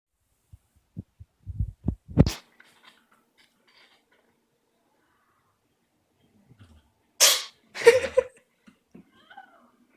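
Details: Cat with a cold sneezing: a few soft snuffles, then two sharp, sudden bursts of air.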